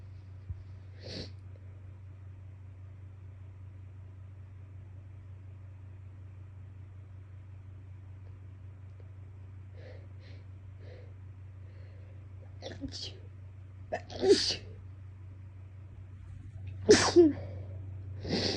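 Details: Person with an itchy nose has a sneezing fit in a car, with quiet sniffs and false-start half sneezes, then two or three sharp sneezes near the end, over steady low car hum.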